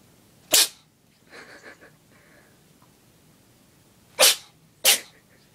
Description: Socko has a bad case of the sneezy's! Either he's got a cold or he's allergic to cats!